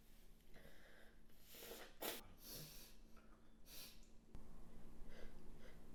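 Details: Wet sneeze from an adult woman: quick noisy intakes of breath, a sharp moist burst of air, then more rushing breaths and snorts.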